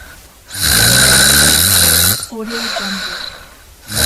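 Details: Heavy snoring from a snoring sound-effect compilation: a loud, harsh rattling inhaled snore, then a softer breath out with a faint voiced tone.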